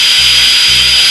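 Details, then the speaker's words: High-speed surgical drill: steady, very high-pitched, distinct whine of a Midas Rex pneumatic drill during an operation, a sound the anesthetized patient later recalled hearing. "this high-speed pneumatic drill that we use called the Midas Rex has a very very high pitch to it and it's very very distinct"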